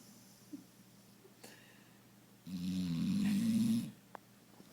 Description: This is Moose, our foster dude. He is quite content in a snuggle, snoring away.